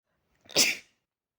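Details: Loud, violent sneeze from a person with a cold and sore throat: a single explosive sneeze with a brief gasping intake before the burst.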